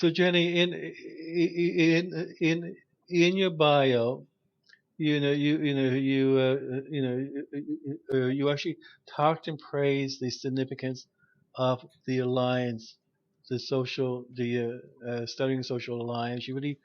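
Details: Adult male who stutters, with repetitions of sounds and words; stuttering.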